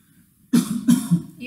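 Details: Voluntary cough on request from a patient born in 1993 during a lung auscultation skills exam: two quick, firm coughs, then a softer third burst, in a quiet room.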